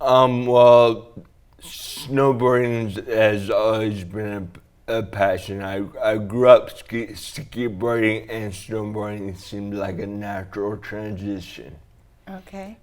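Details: Man with dysarthria (slurred speech) after a traumatic brain injury from a snowboarding crash into a tree; damage around the brainstem and cerebellum; 1.5-month coma, then therapy to relearn talking, walking and swallowing; walks with a walker.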